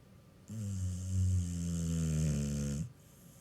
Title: Sleeping, snoring Miss Cookie